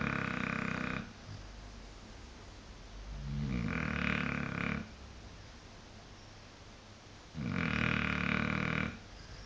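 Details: Snoring in a sleeping blue Shar Pei dog: three loud, rough, rumbling breaths about two to three seconds apart, with quieter breathing between.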